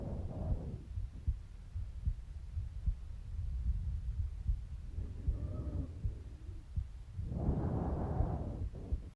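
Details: Over the left side of the neck, seated at rest, breathing normally: soft rushing breath sounds in repeated cycles with low rumbling noise; normal breath sounds.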